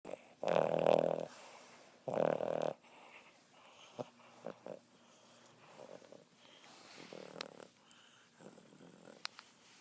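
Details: Overweight Chihuahua snoring: two loud, rough, snorting breaths followed by quieter soft snuffles and clicks.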